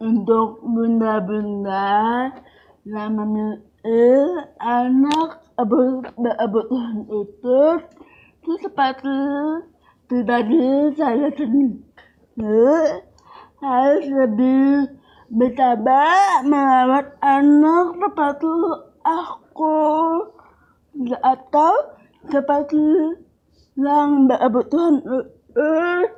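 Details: Young woman with cerebral palsy and speech difficulty since childhood; finding: dysarthria (cerebral palsy).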